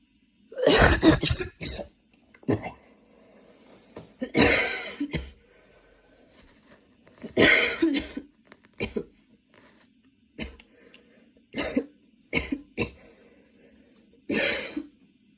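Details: A person having a cough attack while studying that started minor and grew intense, changing positions; repeated harsh cough bursts in clusters, about nine episodes in fifteen seconds; coughing fit.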